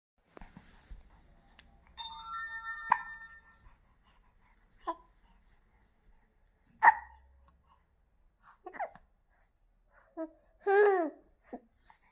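Brief, abrupt catch sounds from a baby recurring every few seconds among soft baby noises and a tone in the background; infant hiccups.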